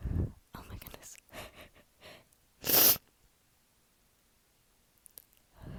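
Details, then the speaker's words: Person sneezing after sniffing chhinkni sneezing powder, which feels stuck in the right nostril and leaves the nose tickly and stuffy. Sniffs and quick breaths build up, then one loud explosive sneeze, then quiet. "Oh, it tickles so bad. And I sneeze so bad. But it's like stuck."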